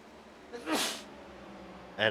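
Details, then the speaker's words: Man sneezing during a sim racing commentary recording: a brief intake of breath, then a sharp, hissing burst of air, with the start of another sound at the end. "And I picked the wrong time to do this recording cuz I just started sneezing like a madman."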